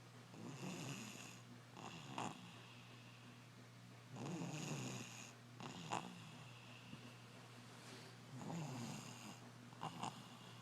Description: A little 2 year old heavy snorer.